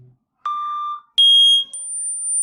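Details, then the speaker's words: Steady pure tones from a free phone tone-generator app, stepping upward in pitch in a quiet room to test the upper hearing limit; the adult tester stops hearing at about 12–13 kHz, while a daughter heard above 18,000 Hz. "loud when I get up to about 12 to 13 thousand in that range I can't hear anymore but I tested my daughter if she could hear over 18,000 Hertz"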